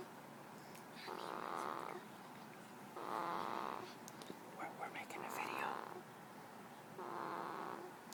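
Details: A 2-week-old baby boy snoring while asleep: four regular buzzing snores about 2 seconds apart, roughly 15 a minute, with soft breathing between them. This is ordinary snoring.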